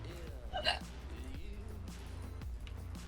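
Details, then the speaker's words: A streamer starting a bout of hiccups that continues despite breath-holding: a single abrupt hiccup with a short catch of breath over background music and speech; hiccups. "Uh-oh. Those dangerous hiccups. Oh no! Fuck! Give me a second, 1 sec. Oh no, it's still happening! I don't know what to do. It's begun, guys. The hiccups have begun."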